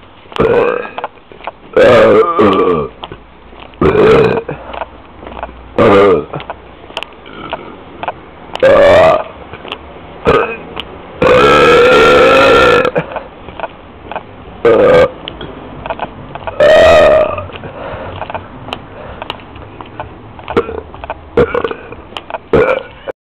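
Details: Person outdoors in the street gives a run of loud, drawn-out voiced belches, some long and rumbling, with street noise between them; repeated burping.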